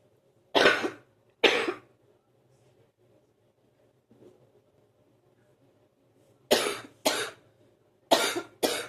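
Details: Productive morning cough that lasts about 45 minutes before clearing: six harsh cough bursts in two groups, clearing mucus.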